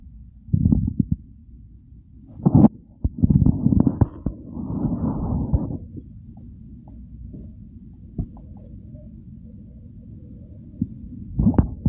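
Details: Real hunger-phase stomach growls: low gurgling and rumbling bursts over several seconds with quieter stretches between; hunger borborygmi.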